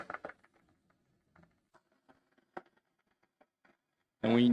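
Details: Laryngeal EMG in unilateral vocal fold paralysis, needle through the cricothyroid membrane into the paralyzed side during phonation: near-silent trace with only a few faint scattered pops, absent motor unit recruitment; voice weak and breathy before injection.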